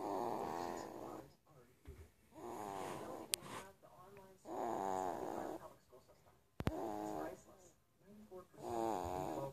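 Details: A young son snoring in his sleep: rough, buzzing snores on each breath, roughly 13 a minute, with brief clicks in a quiet room.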